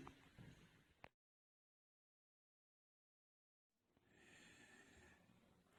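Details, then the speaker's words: Vesicular breath sounds over healthy, unchanged lungs: a weak, soft, quiet, even breathing sound produced as the alveoli fill with air. "слышно над здоровыми, неизмененными легкими. Для этого типа дыхания характерен слабый, мягкий, тихий и равномерный дыхательный звук. Оно образуется в результате заполнения альвеол воздухом."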